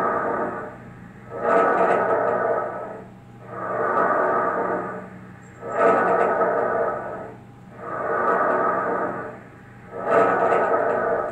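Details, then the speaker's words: Lung auscultation teaching example: steady rushing breath sounds, intermediate between vesicular and bronchial, with inspiration and expiration about equal, about 14 breaths a minute; bronchovesicular breath sounds. "temos também o sombr com vesicular esse som basicamente ele vai ser o intermédio né um som mais intermediário tanto entre um som vesicular como um som bronquial"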